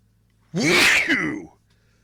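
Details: Allergy-related sneezing fit: a single loud, explosive sneeze lasting about one second in a quiet room.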